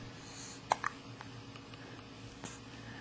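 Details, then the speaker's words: A child got hiccups from drinking bath water after a bath; a single soft, abrupt hiccup in a quiet room. "so I have the hiccups I just got out of the bath and I drank the whole thing"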